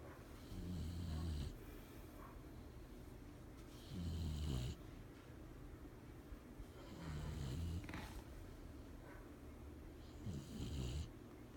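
Regular low, rattling snores with soft breathy exhales between them, about 19 breaths a minute; ordinary snoring in a sleeping dog.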